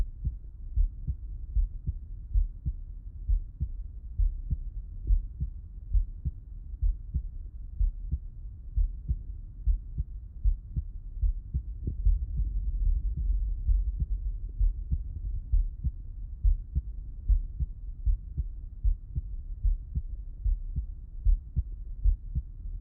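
Regular low thumps of the heart through a stethoscope, about 75 beats a minute, with the paired first and second sounds and a soft low rumble of contact noise between beats. Normal heart sounds heard with the listener lying on the left side, no added sounds evident.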